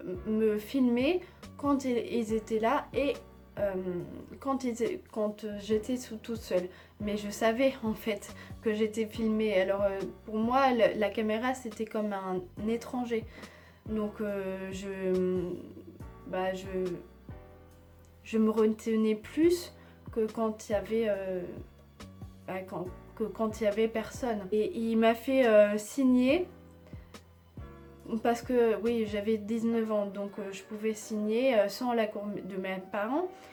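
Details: Woman with aphasia after a stroke, which worsened after a second operation, with speech varying day to day; she also has Tourette syndrome from age 3, surgically treated; finding: aphasia.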